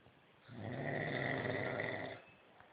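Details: A single drawn-out rattling snore on the in-breath, framed by quiet breathing: ordinary snoring during sleep.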